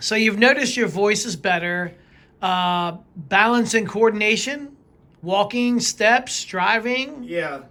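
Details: Adult speaker (interviewer); typical speech.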